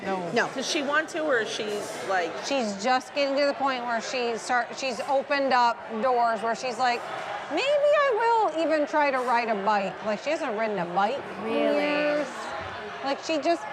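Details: Adult woman; normal speech.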